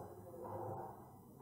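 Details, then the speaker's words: Awake dog: a rough, snoring-like breath noise with higher squeaky tones, a mix of stertor and stridor, with laboured inspiration and expiration and dyspnoea; upper airway obstruction noise. "is what we hear. You can hear the dog suffering. He try to inspiration, and then expiration is a very, I can't say very painful, but they use a lot of suffering."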